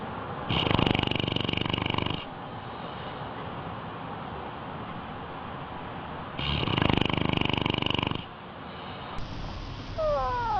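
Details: An animal snoring during sleep: two long, loud rattling snores about four seconds apart, with room noise between them.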